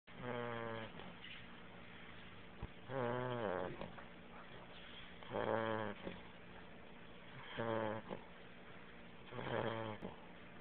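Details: Beagle puppy asleep in a person's arms, snoring very loudly: five loud, whistling, buzzy snores at regular intervals, about 28 breaths a minute, in a quiet room; normal snoring.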